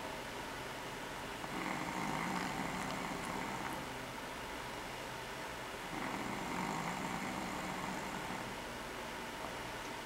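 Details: Adult man snoring while asleep in the dark: two slow, rough, rumbling breaths over steady background hiss.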